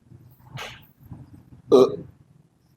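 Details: Adult man with Tourette syndrome and OCD: brief throaty gulping or hiccup-like sounds repeat abruptly, a simple vocal tic.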